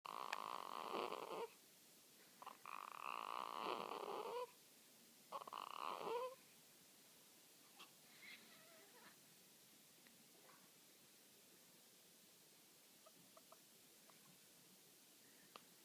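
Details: Newborn girl a few hours old making baby-snoring noises in her sleep: three soft snorting, purring breaths in a quiet room, then faint small noises.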